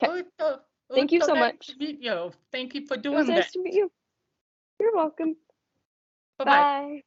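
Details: Adult woman; normal speech.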